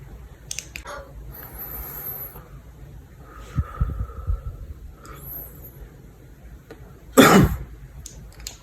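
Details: Nursing student demonstrating deep-breathing relaxation and effective cough to clear secretions: deep breaths, then one strong forceful cough; effective cough demonstration.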